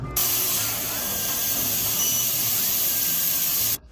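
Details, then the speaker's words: Steady loud hiss of a carbon dioxide cooling spray pressed against the patient's scalp, turning it white, to numb pain before hair loss treatment injections. "We press this part against the patient's scalp and spray. It turns white like this, right? That's when we administer the injection."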